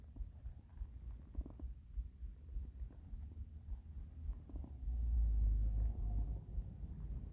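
Low, gurgling rumbles that swell into a longer growl: stomach rumbling from hunger, a normal bowel sound.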